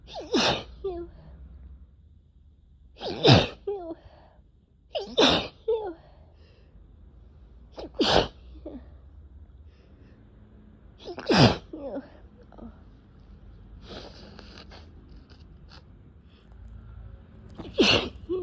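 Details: Six forceful wet sneezes, each with a sharp intake before the burst and brief sniffs between, from a person getting sick with a cold after a day of persistent itchy, tickly nose; repeated cold sneezing.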